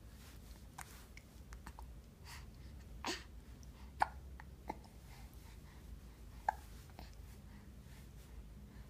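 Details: Hiccups: soft, brief hiccup sounds recurring every few seconds over quiet room noise.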